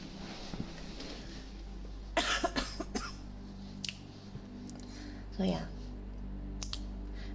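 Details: Streamer who says she is getting sick, with an audible wheeze, recorded on an ASMR microphone: a few short coughs and throat-clearing sounds over steady low room hum.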